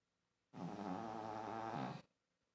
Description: My little chihuahua is really loud.